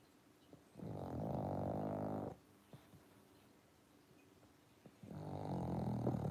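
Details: Pug dog snoring while sleeping on the sofa in a red sweater after a long day.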